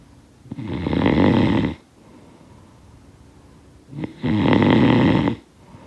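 Two loud, rough snores on breathing in, separated by quiet pauses; ordinary snoring from vibration in the throat during sleep.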